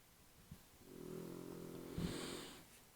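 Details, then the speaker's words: Dog snoring in the background during a recording: a single soft, low, fluttering snore ending in a brief snort. The owner believes the dog is not in deep sleep and is snoring for attention. "the sound in the back that sounds like some sort of machine it's my dog snoring he tends to snore at the most inappropriate times"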